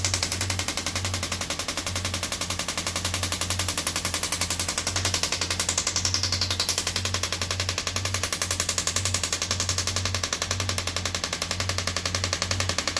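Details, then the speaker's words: Radial shockwave therapy on a person who says it feels like deep tapping on the bone and does not really hurt; steady, fast mechanical tapping at about four pulses a second with a low hum. "What does it feel like when it's happening? It feels like somebody's tapping really, really deep."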